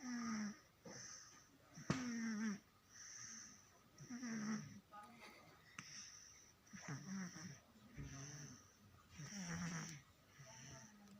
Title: snoring baby